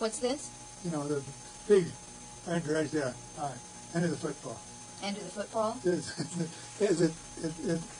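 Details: Demonstration of Wernicke's (fluent, sensory, receptive) aphasia, caused by a lesion of Wernicke's area in the superior temporal lobe, with impaired comprehension and patients often unaware of their errors; Portuguese-language context.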